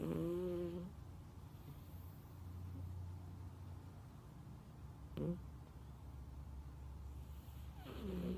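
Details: Snoring from a sleeping calico cat that the owner says snores louder than a human: low rumbling breaths with a few higher tonal snorts at the start, middle and end, over a steady low room hum.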